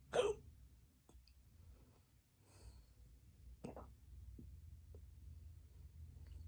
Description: I woke up and I got these hiccups. I can’t stop 😉